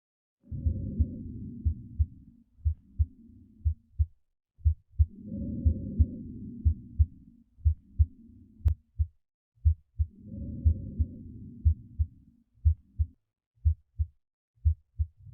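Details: Simulator playback from clicking an auscultation site on a virtual patient: steady heartbeat about 60 a minute with regular low breath sounds, about three cycles over fifteen seconds.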